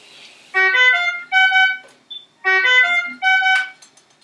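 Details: Repeating pattern of electronic alarm tones from a ventilator during setup with tidal volume set to 500 and a small tube attached, with no patient breathing on it; ventilator alarm.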